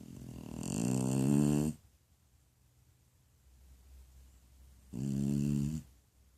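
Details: Elderly pet, said to be 78 in human-equivalent years: two loud, buzzing snores about three seconds apart, with quieter breathing between them; snoring.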